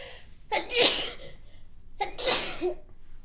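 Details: Adult woman's sneezing while reading aloud: two sharp sneezes, each a sudden hissing burst after a brief in-breath.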